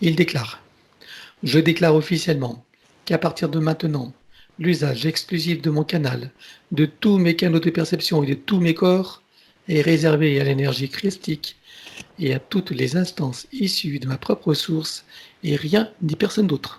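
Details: Adult male speaker; normal speech.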